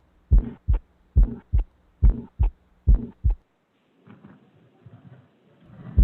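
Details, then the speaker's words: Pediatric cardiology teaching recording of limited audio quality: a regular heartbeat near 70 a minute with a soft, musical, not harsh murmur after the first sound, a benign Still's murmur. "this rumor i'm not sure if you can hear based off the audio quality but it has more of a kind of softer sound to it not as harsh a little bit more musical"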